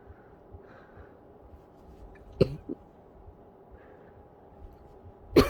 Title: muffled coughing into pillow, trying to be quiet!